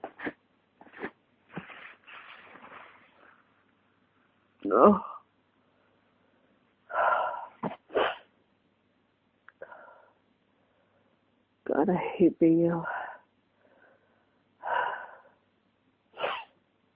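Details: Person with flu and heavy congestion: several separate explosive sneezes with breathy intakes between them and a few soft vocal sounds.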